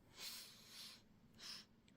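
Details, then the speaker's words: A dog asleep at the speaker's feet in a quiet room snores: noisy, airy breaths, with a longer hissing breath and then a shorter one, heard as light snoring. "Наши собаки храпят как дедушки старые Так что под это урчание храп мы с вами продолжим рассказы"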